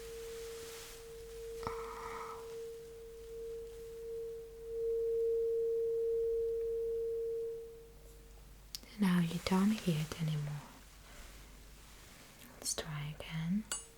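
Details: Simulated ASMR cranial nerve exam hearing test: struck tuning fork placed behind the ear gives a steady pure mid-pitched hum that swells and fades, then soft handling and whispers.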